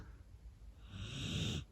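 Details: Pet dog, Teddy, asleep beside the speaker; a single soft snore, a low rumbling breath with a breathy hiss building at the end.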